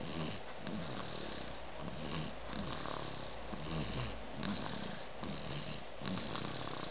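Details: Loud snoring during a short nap.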